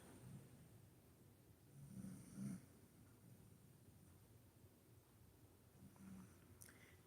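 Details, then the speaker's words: Snoring from someone sleeping nearby, described as snoring like a little man. "If y'all hear some snoring, that's my Luna. She is snoring like a little man over there."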